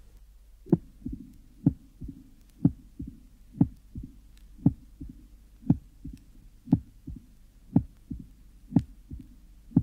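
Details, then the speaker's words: Mid-diastolic murmur fading in late diastole in less severe pure mitral stenosis, with an A2-to-opening-snap interval of 0.08 seconds. "the next recording illustrates a less severe case of pure mital stenosis the mid diastolic murma Fades off in late diast"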